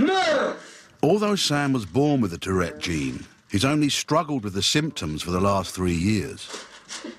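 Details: Adult male narrator; normal adult speech.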